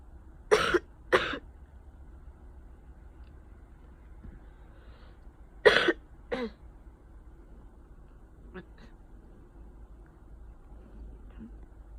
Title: summer cold coughing